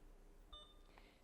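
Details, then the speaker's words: BD Alaris 8100 large volume infusion pump training demonstration: holding the channel off button to discontinue the IV gives a single short electronic beep over quiet room noise, then the system powers down; pump power-off beep. "When your infusion is complete and you're ready to discontinue the IV, you will simply reach out to the channel off button, press and hold till you hear a slight beep."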